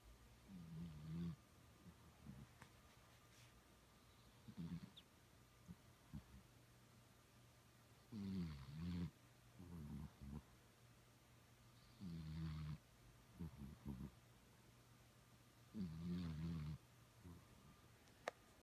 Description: One of our cats snores pretty heavily when he sleeps.